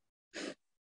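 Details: Acted demonstration of nasal air emission during oral consonants, with air escaping through the nose, as seen in velopharyngeal dysfunction.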